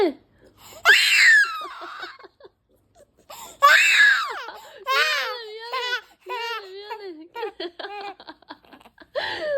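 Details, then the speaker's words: 90-day-old infant startled by the mother's sneeze gives two loud, high wailing cries, then shifts to short cooing, laugh-like sounds. "야 기침 제체기 소리에 놀랬어 미안해 미안해 왜 그래 울지 웃을지 하나만 해 울지 마 울지 마 울지 마"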